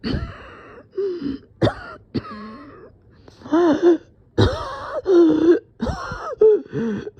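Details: Person coughing and feeling dizzy, thinking they might pass out: repeated throaty coughs and throat-clearing in quick runs, some voiced and strained, a bout of repeated coughing.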